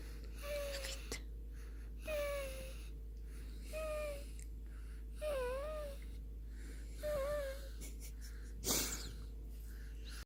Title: Sleeping & Snoring